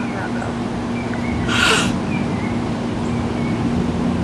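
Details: A single short, sharp sneeze burst over steady outdoor background noise with a low hum.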